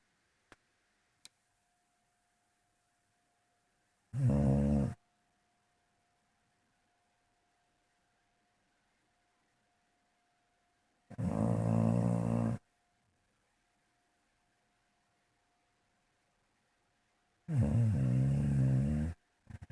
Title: Jebus Snoring 3